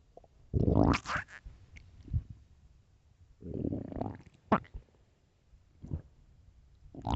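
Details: Late-night stomach growling: low gurgling rumbles and squelching bursts in irregular runs, ordinary borborygmi.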